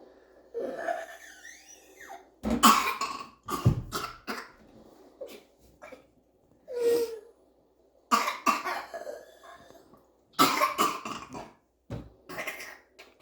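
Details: A child's coughing fit on first waking up: repeated coughing bursts with breaths between.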